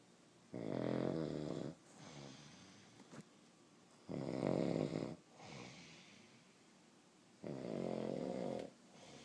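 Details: Adult man who denies snoring: three loud, rattling inhaled snores about every three and a half seconds, with softer breathing out between them; habitual snoring.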